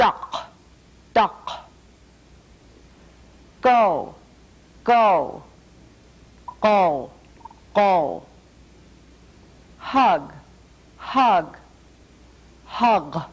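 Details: Speaker with a repaired cleft palate producing mid-dorsum palatal stops in place of t and d.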